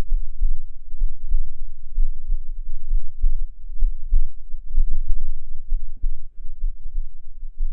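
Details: Heartbeat recorded with a close binaural microphone: steady, regular low thumps at about 65 beats a minute under a faint low hum; ordinary heartbeat.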